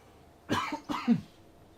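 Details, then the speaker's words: Two short, rough coughs from an adult who has been fighting a cold, during a live stream. "Um excuse me for a moment. Oh my gosh. Sorry. I've been fighting a cold and soo"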